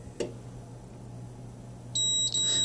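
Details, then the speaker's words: Allied Healthcare AHP300 transport ventilator, button pressed and held to enter programming mode and save over adult quick start settings: room hum, a click, then a double high electronic beep. "I hear a double beep I can let go and you'll see it's flashing fast that's kind of similar to what the initial programming from the factory"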